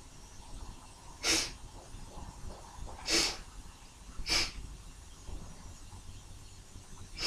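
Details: Three sharp, hissing sneezes a second or two apart over steady background hiss; forceful sneezes brought on by tickling the nose.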